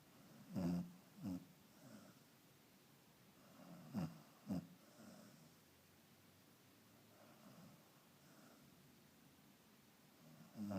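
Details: Sleeping dog snoring, about as loud as it has ever been: deep rumbling snorts in pairs every few seconds with quieter breathing between.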